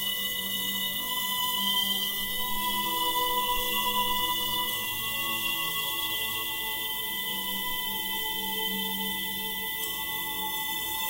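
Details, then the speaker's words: Bach's "Air on the G String" played as notch-filtered music for tinnitus sound therapy, with the 2 kHz band (the example tinnitus frequency) removed. It sounds thin and slightly distorted, less rich, and no white noise is mixed in. "뭔가 지식한 소리 들렸는데 2khz 영역을 잘라낸 겁니다 그러니까 아무래도 어 주파수 영역으로 봤을 때 좀 주파수가 빠진 음악을 듣는 거니까 조금 풍성한 느낌이 좀 덜합니다"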